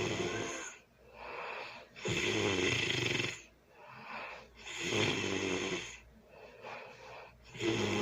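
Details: Loud snoring during early Sunday morning sleep: rough snore with each breath in, roughly three breaths across eight seconds.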